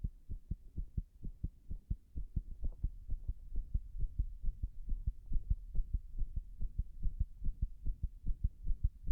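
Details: Arrhythmia heart sounds recorded after 6 minutes of pressure applied while standing against a wall: rapid, dull low heart thumps with uneven spacing between beats, an irregular heartbeat.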